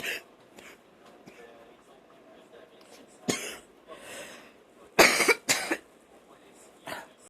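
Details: A person watching TV and coughing repeatedly and persistently.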